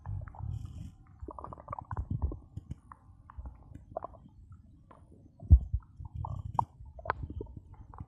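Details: Stomach growling (bowel sounds) after drinking cola, recorded for ASMR: soft low gurgles and rumbles with occasional louder pops from the belly.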